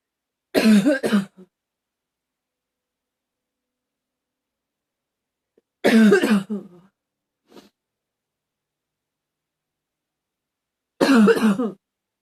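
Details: Three harsh, throaty coughing bursts a few seconds apart, each of two or three rapid coughs; a rough coughing fit.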